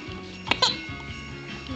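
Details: Hiccups in an infant boy: two short, sharp, voiced hiccup sounds with music in the background.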